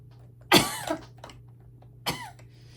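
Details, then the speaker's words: Adult woman who says she has really bad lungs and uses an inhaler coughs while doing makeup: two short, harsh coughs about a second and a half apart in a quiet room. "Um, my husband keeps hearing me cough. He's going to come running with my inhaler."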